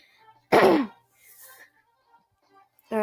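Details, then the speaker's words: A child gives one sharp cough while playing an online game, with game music in the background; she has been coughing repeatedly and says her throat hurts. "Sorry I'm coughing."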